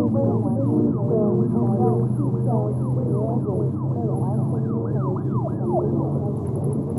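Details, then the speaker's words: Simulated high-frequency sensorineural hearing loss: speech and background noise (sirens, low rumble) sound dull, muffled and underwater, crisp high tones stripped away; listener must concentrate to locate the talking voice, like mumbled speech behind masks. "themselves just notice how everything just sounds a little bit kind of underwater a little bit muffled"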